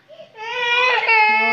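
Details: Baby crying: a short, rising cry with a clear, sustained tone.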